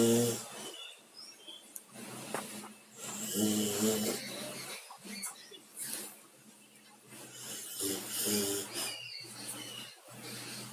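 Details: Sleeping dog snoring with low, rattling breaths, roughly three or four snores over ten seconds; snoring.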